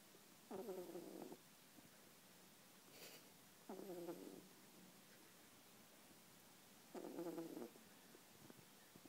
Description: Adorable video of Truffle, the poodle snoring lightly.